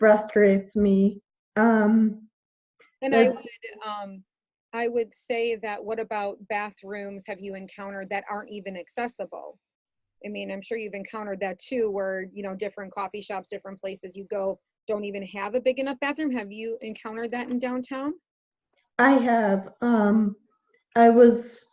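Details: Adult woman speaking; typical speech.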